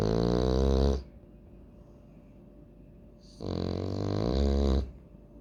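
Loud, deep, rumbling snores from a sleeping flat-faced dog, with a noisy, wheezy breath between them.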